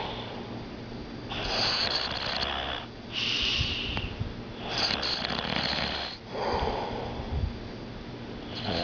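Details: Repeated harsh, rasping snores about every one and a half seconds, some with a snorting edge; a family member snoring loudly during sleep.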